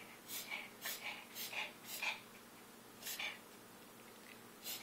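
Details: Sheltie puppy with kennel cough, caught from a shelter cat: about ten short, harsh, hissing coughs in paired bursts.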